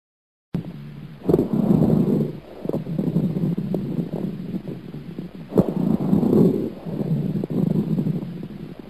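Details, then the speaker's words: Teaching example of lung sounds: coarse crackles heard at the beginning of inspiration, low and bubbling, from secretions in larger airways; may occur in diseases such as bronchitis. "son sesimiz olan kabar raller sesi nefes almanın başında duyulur ve bronşit yani bronşların iltihaplanması gibi hastalıklarda ortaya çıkabilir işte Kabara ler sesi"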